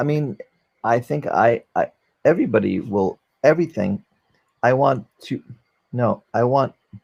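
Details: 44-year-old man, former NYC paramedic, with aphasia from a stroke during valve surgery, unable to use one arm; aphasia.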